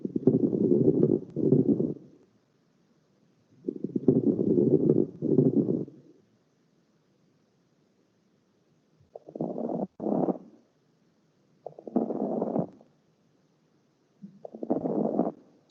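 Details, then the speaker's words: Fine crackles from lung fluid: low bubbling, popping sounds with each breath, with a very short expiratory phase and short inspiration, in contrast to the rougher previous sounds; fine crackles. "these are fine crackles they're they're lower you could really hear that bubbling sound where the other ones were kind of rough"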